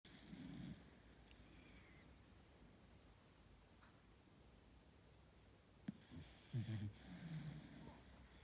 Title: Cute puppy cockapoo sleeping and snoring